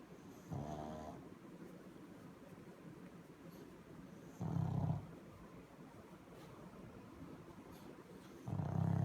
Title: If there is a snoring contest this pug will surely come up on top!